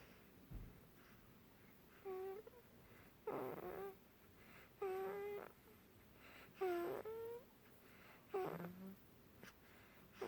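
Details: 3-week-old baby snoring while asleep: squeaky, slightly musical, noisy breaths at about 35 a minute over room hiss.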